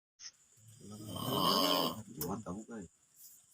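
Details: A sleeping friend snoring while being pranked: a long, loud, rough snore rises and fades, followed by a few shorter snorting bursts: snoring.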